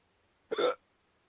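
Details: Person's hiccup while a cat reacts: a single abrupt voiced gulping hiccup lasting a fraction of a second in a quiet room.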